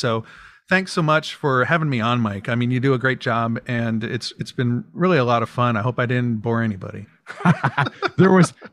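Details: Adult male speaker; normal voice.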